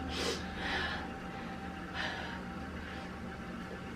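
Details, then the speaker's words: Heavy, effortful laboured breathing with audible airflow over room hum, after a coughing bout, in a woman with cystic fibrosis (progressive lung disease) while trying to get out the door in the morning, before her lungs settle. "Normally, we would wait to get out the door, be in the car... have her lungs a little more settled"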